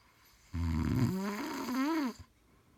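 One loud, rumbling snore that turns into a rising and falling whistling tone near its end. Snoring.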